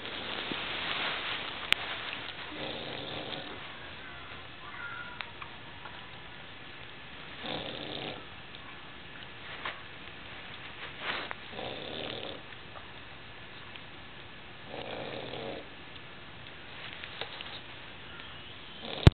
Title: dog grooms cat while pug snores